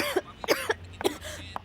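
An adult man gives about four short, voiced coughs in quick succession, acted for a commercial.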